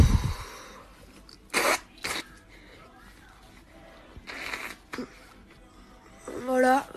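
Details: A few short, sharp bursts of air, then a voiced exclamation, in a quiet room: sneezing from a girl.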